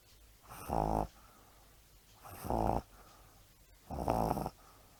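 Three rhythmic, rough snoring breaths, about 36 per minute, each building to a loud rattle; pug snoring.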